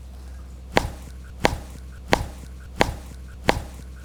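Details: Woman in a manual chiropractic and osteopathic session for posture, lying prone, gets spinal manipulation. Five sharp, evenly spaced cracks over low room hum: joint cavitation, spinal manipulation crack.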